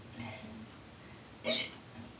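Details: A single short, sharp hiccup with faint voicing just before it over quiet room noise, recorded at work; hiccup.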